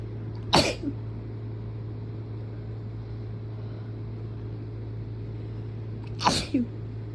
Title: 5 strong sneezes and a nose blow